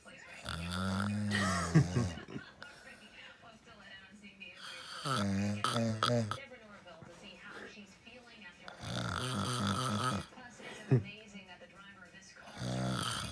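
Loud, rough, partly voiced snores recur about every four seconds, roughly 15 a minute, in a quiet room: snoring.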